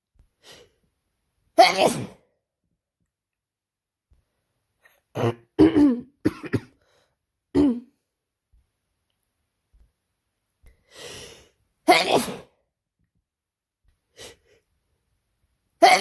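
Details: Person with a cold and sore throat since last night, after working a week at summer camp: several sharp explosive sneezes separated by quiet pauses; repeated sneezing.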